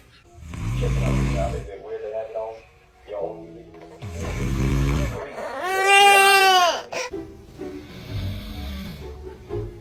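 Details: Deep, rattling snores from a sleeping father come and go, interrupted by his baby's loud cry and soft sounds, with background music; adult snoring.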